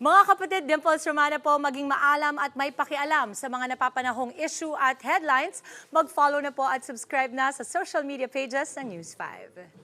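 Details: Adult woman, TV host; normal speech.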